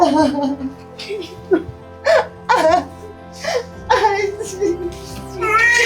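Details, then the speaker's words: Newborn's first cry just after a pushed birth: short, high-pitched cries and whimpers with soft music behind. "[a babies first cry and a mother's joy]"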